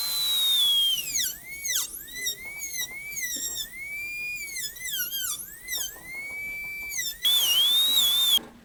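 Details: Dental handpiece cutting tooth: high-pitched whine rising and dipping in short passes, steady burst near end, refining tight mesial and distal occlusal clearance with repeated checking during gold onlay preparation on tooth #18.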